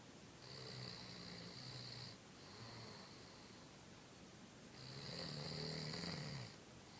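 Rough rattling snores on each breath, some with a hissing edge, over steady room noise. Snoring.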